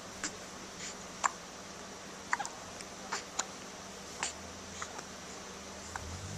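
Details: Identical twin infants hiccuping at the same time, recorded with a Flip Video camcorder: faint, quick hiccup clicks repeating irregularly, about nine in six seconds, over room hiss.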